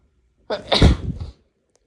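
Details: Male with an unusually tickly nose, unsure if sick: a single forceful sneeze, a brief sharp intake then an explosive burst of air, in a quiet room.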